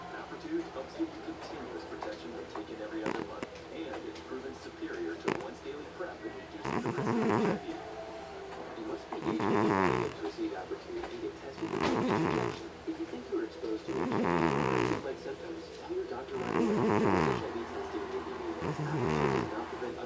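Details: Snoring: slow, regular rattling snores, about five in twenty seconds, over a running television advertisement.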